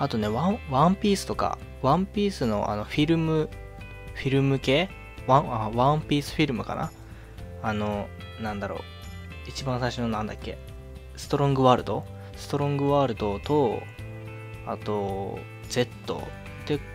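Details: Self-described stuttering in a Japanese man speaking casually; word repetitions audible.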